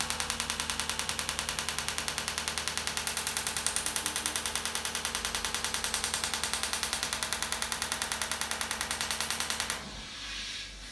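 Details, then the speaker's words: Rapid, regular clicking pulses from an acoustic shockwave therapy device applied with gel along the joint line of a man's arthritic knee, stopping near the end; treatment lasts four to five minutes for knee osteoarthritis. "and so we would keep that treatment on for four to 5 minutes and following that reassess by palpating along where the joint line is for how sensitive it is"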